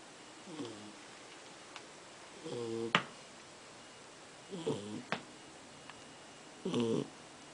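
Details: Sleeping dog snoring with soft, rattling snores on each breath, about four in under eight seconds (roughly 28 breaths a minute), in a quiet room.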